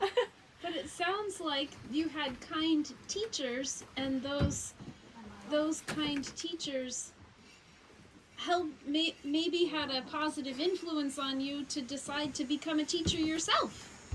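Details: Adult woman speaking; normal speech.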